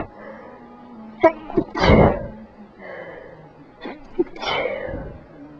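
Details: Sneezing from a person who was sick, most sneezes deliberately induced: two sneezes, each a quick intake of breath followed by a forceful explosive burst through the nose and mouth.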